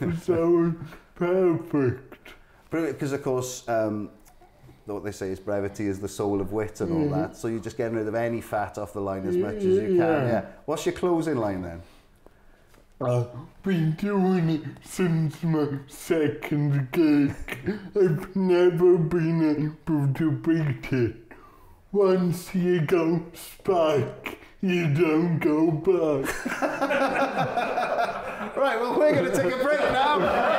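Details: Adult male comedian with cerebral palsy speaking in an interview; dysarthria (cerebral palsy).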